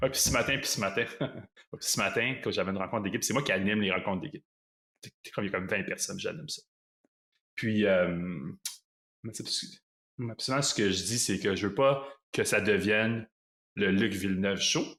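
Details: Long-standing stuttering in a 38-year-old man, speaking French.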